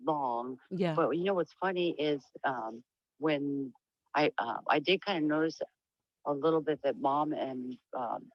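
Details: Woman with diagnosed Huntington's disease; voice noted as low and much changed from before, she reports sometimes stuttering, and tends to lose topic and trail off; speech changes in Huntington's disease.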